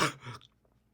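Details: Adult sings right after vaping and gives a single loud, harsh cough burst, followed by a brief throaty rasp and quiet.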